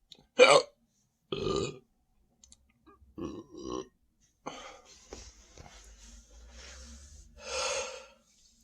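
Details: Adult standing and drinking more Sprite, saying the stomach feels heavy, really full and tight: several loud, throaty burps in a row with short gaps and quieter gulping between them, ordinary belching after a fizzy drink.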